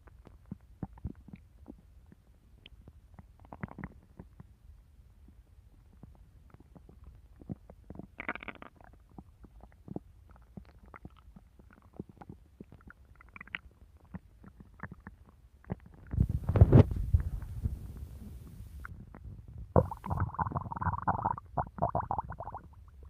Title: Opal's stomach growling